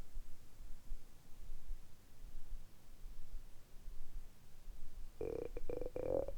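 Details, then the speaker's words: Bowel sounds in an adult after a light 12–13 hour fast since dinner, stomach quite empty, before drinking sparkling water: low gurgling rumble over quiet room noise, ending in a few short tonal growls. "今日は断食を12時間ぐらいですかね、やりました。軽い断食ファスティングですけれども、えお腹は結構空いてます。"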